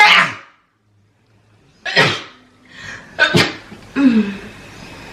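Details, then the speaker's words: Sick person with sneezing and inflamed, watery eyes: several sharp explosive sneezes in quick succession in a small room, with a faint voice between them. "Да, это просто ужасно, просто ужасно. Не болейте, не чихайте."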